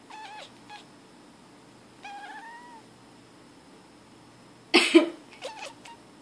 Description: This is our cat's way to say "Bless you!", every time my girlfriend coughs.